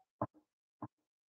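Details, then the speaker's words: Two short, dull knocks about half a second apart, a nurse's vocal imitation of the knocking type of Korotkoff sounds heard while deflating a blood pressure cuff: Korotkoff sounds, knocking quality. "like this, like a knocking."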